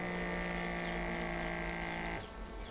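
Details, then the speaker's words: Digital upper-arm blood pressure monitor: steady motor whine of the pump inflating the cuff, stopping as inflation ends, taking about 10–15 seconds. The user is seated still and breathing normally; he reported readings around 180 the previous evening. "यह जो है monitor करने में कुछ time late like 10 से 15 second का समय लगता है"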